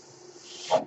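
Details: Mechanical ventilator sound heard during a podcast recording, which the user identifies as their own ventilator: a steady soft hiss building into a brief airy puff as the breath is delivered.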